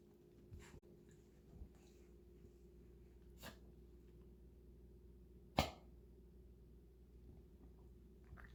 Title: cough